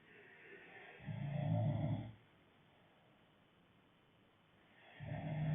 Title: Snoring part 5